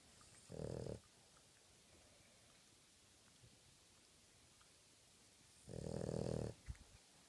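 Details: A sleeping dog snoring: two soft, rumbling snores several seconds apart, with quiet room noise between them.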